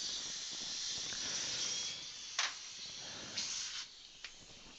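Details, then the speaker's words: Dental implant screw retrieval with a stripped abutment screw: a micro suction tip gives a steady high-pitched hiss with brief louder slurps as it draws fluid from the screw access hole before the threads are checked. "I'm gonna see if I can put a drop in there and I want to suction out what's what might be able to micro suction tip"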